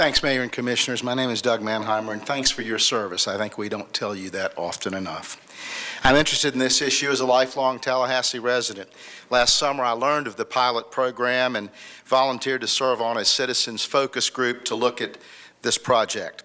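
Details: Adult male speaker; ordinary speech.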